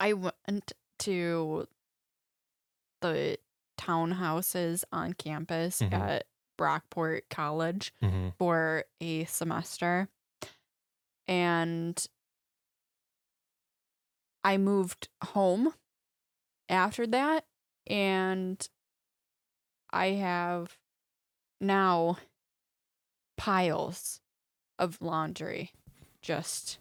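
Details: Aphasia in a young woman after a major stroke at age 14, 11 years earlier, with hemiparesis and vision impairment, after years of speech therapy; speaking in podcast conversation.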